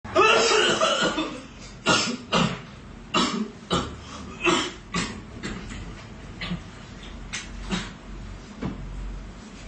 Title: Corona virus cough